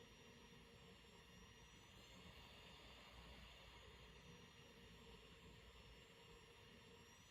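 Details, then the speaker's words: Travel CPAP machine running, recorded up close: a steady airy roar with a faint high whine and no breaks. "Alright guys, now I said I'll give you a few little pointers on how to reduce the ambient noise from your travel CPAP machine."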